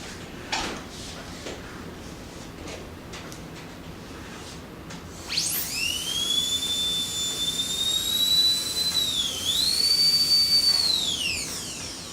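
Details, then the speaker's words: Dental high-speed drill during a staged restoration on a girl lying in the dental chair: a piercing high-pitched whine rising as it spins up, dipping briefly, then winding down. "Você tem certeza que não tem como tirar o barulho do motor, não? Não tem. Ai..."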